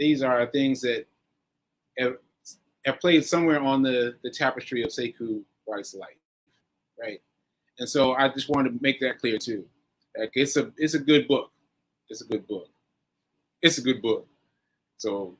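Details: Post-stroke aphasia in a male stroke survivor, nearly a year after a stroke on 7/14/22 (recorded 7/4/23); he is still recovering and says his aphasia makes some things harder.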